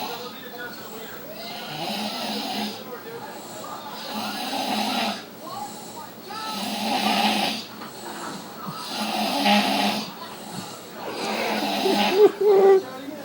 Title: Loud Snore 45